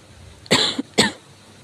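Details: Severe cough: two harsh, forceful coughs in quick succession from an adult, with a short rasping tail after the first.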